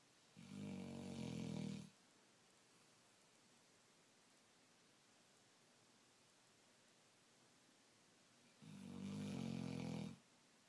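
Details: Sleeping, tired black Labrador (female) snoring: two long, rumbling snores about eight seconds apart, with quiet room noise between.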